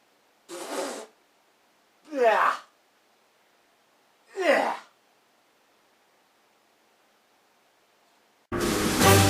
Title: Covid - 19 Elbow Sneezing